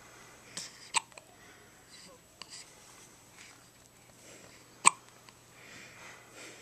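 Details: A newborn baby's first hiccups after birth, recorded in hospital: two brief, sharp hiccup clicks a few seconds apart over quiet room noise.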